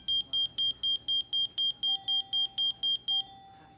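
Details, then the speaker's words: Rapid, regular high-pitched electronic beeps, about four a second, from a bedside monitor alarm going off as a student lifts a patient's gown to auscultate heart and lungs; simulated, acted training scene. "He then gently and very tentatively lifts Mr. Jones gown to place his stethoscope and listen to the patient's heart and lungs. A monitor alarm goes off."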